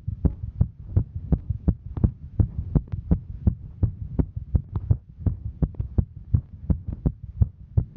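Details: Female's heartbeat recorded while hiking: fast, regular low thumping at about 165 beats a minute, a heart working hard during exertion; normal heart sounds during exertion.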